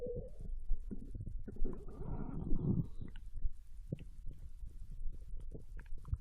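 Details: Japanese girl recorded lying on her side in bed while digesting ramen: low gurgles, rumbles and soft pops from the belly. Ordinary digestion bowel sounds after a meal.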